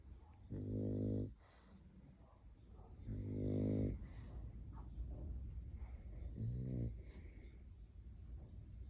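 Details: Sleeping French bulldog, possibly a puppy, snoring: buzzing, grunting snores about every three seconds, roughly 20 a minute, over a steady background hum.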